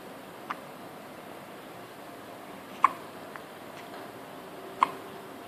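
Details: Three short, sharp hiccups a few seconds apart over quiet room noise.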